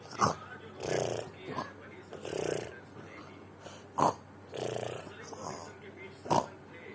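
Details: Snoring during sleep: repeated rough, snorting inhalations alternating with breathy exhalations, roughly three cycles over seven seconds.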